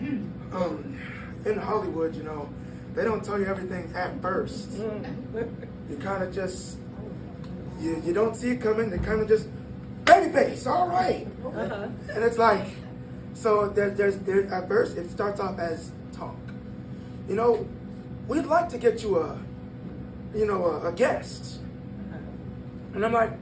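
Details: 22-year-old man born prematurely at about one pound whose vocal cords had to develop as he grew and still don't close all the way; breathy voice from incomplete vocal fold closure.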